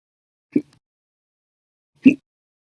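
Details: Two short, sharp voiced hiccup catches about 1.5 seconds apart in a quiet room. They are audio from a hiccup episode that lasted 12 hours 36 minutes after meals and 2 cups of soda.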